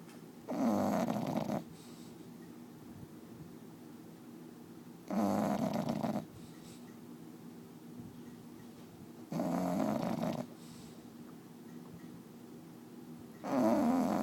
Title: Bulldog snoring provides white noise